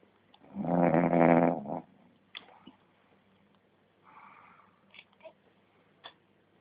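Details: A loud, rough, vibrating snore on the in-breath from a sleeping father, followed by quieter breathing sounds; snoring.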